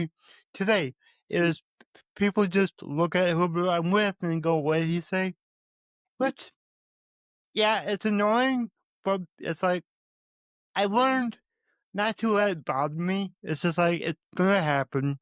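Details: Adult male with a speech impediment who says he stutters, more so when talking with his mother than with most people; stuttering.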